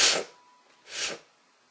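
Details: Allergic sneezing in a person who sneezes often from triggers like flowers, dust or plants, with an itchy mouth: two sharp, hissing bursts of air about a second apart, a pair of sneezes.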